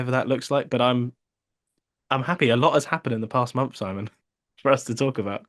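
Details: Adult man speaking; Normal speech.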